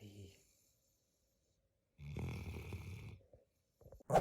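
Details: Loud, rough, fluttering snores with quiet pauses between breaths from a sleeping 5-month-old female Mantle Great Dane puppy; very loud snoring.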